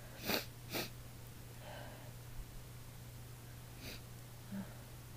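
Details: A woman gives two quick, sharp sneezes, then softer breathy build-ups and a third sneeze, over a steady background hum; her throat was raw the next day; one of 22 sneezes recorded.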